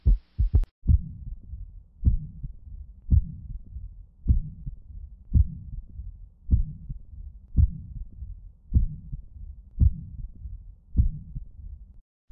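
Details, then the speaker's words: Third heart sound (S3) at the mitral area: a slow, regular heartbeat near 55 a minute with a very soft, low-frequency extra sound after the second heart sound. "a terceira agulha é um som muito suave de baixa frequência e após a segunda bolha no foco mitral"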